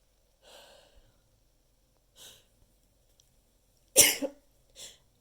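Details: Person sneezing repeatedly: four short bursts with sudden onset, the fourth loudest with a sharp explosive release; repeated sneezing.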